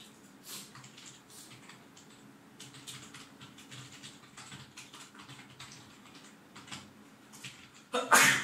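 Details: Sneeze from an adult with a nasty cold, sniffly and congested, in a simulated office scenario with keyboard sounds.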